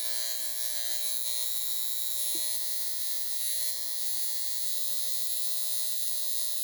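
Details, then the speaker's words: High frequency facial device with precision tip on a higher-than-usual setting, run over pimples, lips and pores, said to minimize pores and help dark under-eye circles; steady high-pitched electrical buzz with faint crackles. "But I'm going to record myself using my high frequency face treatment. It's really weird, honestly, but supposedly it helps with under eye circle, like dark circles under your eyes."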